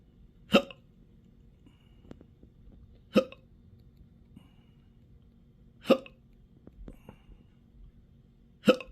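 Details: Adult with intractable hiccups since December 2015, in 12-hour episodes up to 7 days a week, with belching, choking spasms and developing achalasia; four sharp hiccups in nine seconds, about every three seconds.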